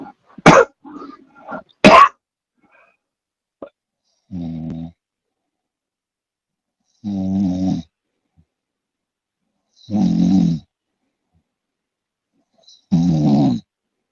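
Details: Young male friend snoring in a quiet room: a few sharp noises, then four rough, buzzing snores a few seconds apart, each about half a second long.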